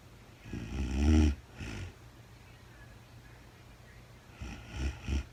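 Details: Real-time recording of a woman sleeping overnight after being very tired, no talking: low rattling snores on the in-breath with a quiet pause between breaths. Snoring.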